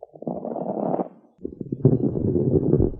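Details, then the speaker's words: Coarse crackles through a stethoscope: low, wet bubbling and popping sounds across breaths, like popping at a bonfire. "fine sounds like when you are moving your fingers through your hair and Co is like wet bubbling it almost sounds like popping at a bonfire"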